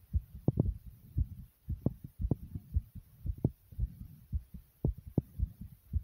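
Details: Fast, low thumping heartbeat at around 110 beats a minute; tachycardia (fast heartbeat).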